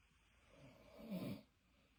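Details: Father and son, both very tired, snoring while asleep: a single low, rumbling snore on the in-breath; ordinary snoring.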